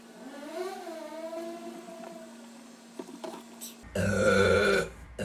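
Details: Pug dog burping: a faint whine, then a loud, rough, throaty belch lasting about a second.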